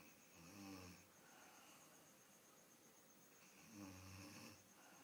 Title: My grand mother snoring India